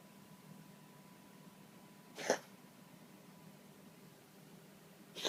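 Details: A cat gives one short, sharp cough, and a second begins as the clip ends, over quiet room noise. Cough.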